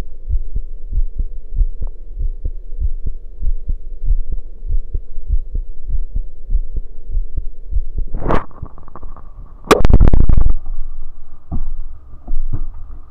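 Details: Heartbeat recorded after running: quick, regular low beats, roughly 160 a minute at first, then loud rustling and handling noise; rapid heart rate after exercise.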